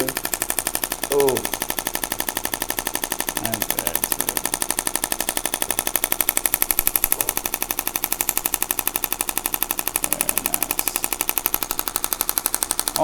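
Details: Shockwave therapy on the foot of a man with bilateral plantar fasciitis, right side likely worse: fast repeated clicking pulses about 240 a minute, hitting tissue attachment points near bone, with brief voices in the room.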